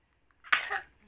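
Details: Single short cough from a twin girl who has coughed all night and is vomiting, heard in a quiet room; her twin was just discharged from hospital; cough.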